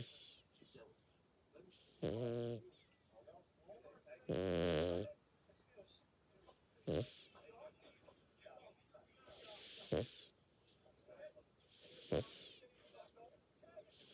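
Irregular soft snores and snorts in sleep, with whimpering sounds and hissy breaths in between, about two dozen a minute; a pet snoring while dreaming.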